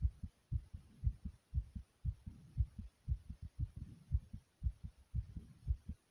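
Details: Own heartbeat recorded: strong, regular, loud pounding low thumps at roughly 118 beats per minute.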